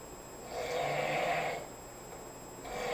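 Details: Adult roommate asleep on a couch: one long, rough, rattling breath sound, a second starting at the end; ordinary snoring with faint room hum.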